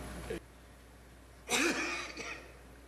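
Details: Adult male legislator coughing repeatedly while questioning in parliament: a clipped throaty sound, then a single harsh, partly voiced cough close to throat clearing, quiet room noise between.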